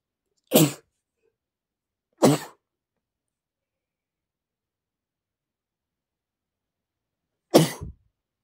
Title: male sneezing #42 (I caught a cold and sneeze too much🤧)